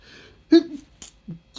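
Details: A single sharp, voiced sneeze with a breathy tail, then soft sounds in a quiet room, while the person reads a novel aloud before taking their morning meds; allergic sneezing.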